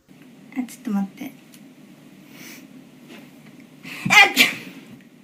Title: Cute Japaneze girls sneezing くしゃみ68